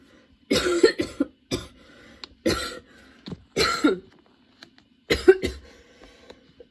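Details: Prolonged coughing fit of sudden onset while getting ready for the next day: about six bursts of repeated harsh coughs in quick succession with brief gasps between. It kept worsening, brought tears, and changing positions did not help.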